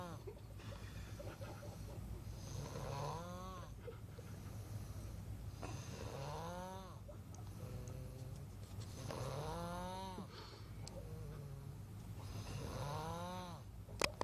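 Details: Person snoring during the night: rhythmic rattling snores on each breath, about four breaths in fourteen seconds, over a steady low hum of room noise.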